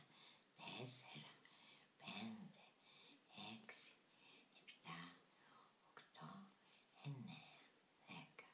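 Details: 84-year-old woman with bilateral vocal fold paralysis 6 months after thyroidectomy, with near-total voice loss and minor breathing problems, in voice therapy; aphonia (near-total voice loss) from bilateral vocal fold paralysis.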